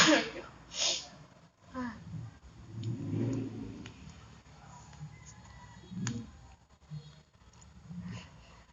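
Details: Baby sneezing: two quick, breathy small infant sneezes, then soft baby sounds and room noise.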